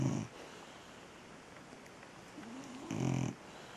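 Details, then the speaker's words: Sleeping golden retriever puppy, recently recovered from illness, gives two short, snuffly snores about three seconds apart with quiet breathing between: puppy snoring. "sometimes he snores. God knows what he'd be like when he's bigger. If he's that loud when he's so small."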